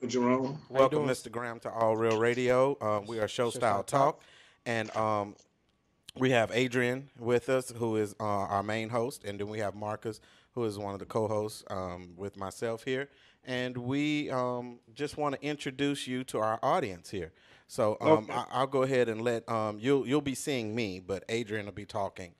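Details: Adult man speaking; Normal conversational speech.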